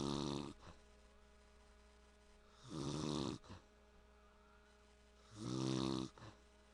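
Three rumbling snores on the in-breath, about 22 a minute, each followed by a short puff of breath out, over a steady hum in the room.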